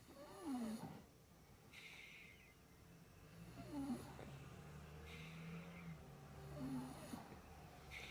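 Quiet, rough snorting breaths with a whistling squeak on each breath, about three in eight seconds: snoring.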